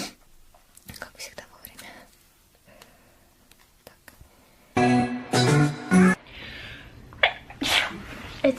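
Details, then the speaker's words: Young woman sneezing while talking, tagged allergies and sinuses, saying she may be getting sick: two or three loud, abrupt sneezes close together, with quiet talk and faint music before and after. "I'm gonna sneeze."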